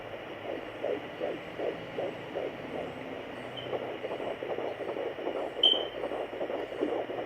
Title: Fetal Doppler 14 weeks Baby A